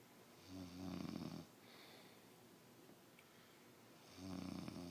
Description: My fiancé claims he doesn't snore. What a joke that was lol.